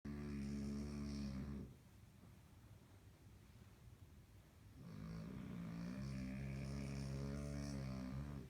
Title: Cute French Bulldog puppy snoring